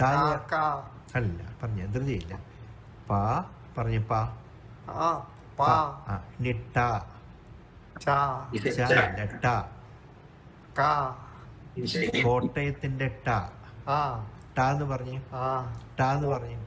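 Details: Patient with the progressive non-fluent aphasia variant of progressive supranuclear palsy; apraxia of speech.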